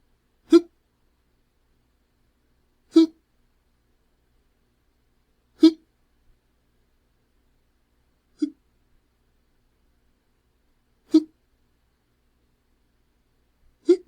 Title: Hiccups Sound Effect - Adult Male Having The Hiccups